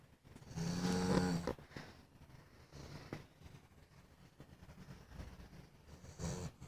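Low, rumbling, fluttering snores repeat with each breath in a quiet room; a sleeping dog snoring.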